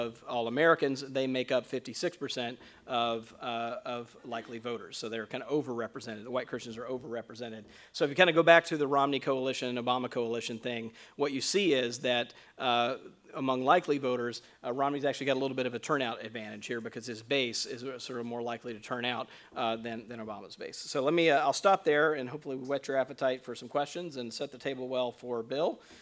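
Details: Adult male speaker; Normal voice.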